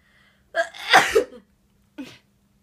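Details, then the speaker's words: Female Japanese sneeze, one of three in a rapid series: short indrawn breath, explosive burst, brief small exhalation. "はい3回目ですね立て続けに3回のくしゃみを決めました素晴らしい"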